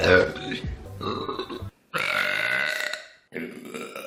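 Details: Burping compilation: long, loud, rumbling voiced belches one after another, with some music and talk in the background.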